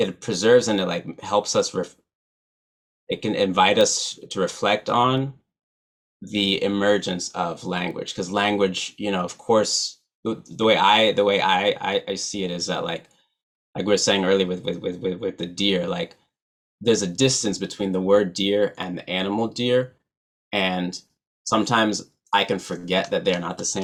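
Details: Adult man who stutters, real, not acted; stuttering.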